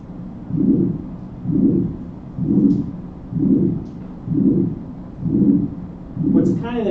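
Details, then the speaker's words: Cardiology lecture example, said to represent mitral regurgitation: regular heart sounds near 63 a minute, a distinct first sound, then a soft murmur in mid-systole: midsystolic murmur. "So this is like a mitro regurgitation m is what it's supposed to indicate. This is a midsystolic murmur."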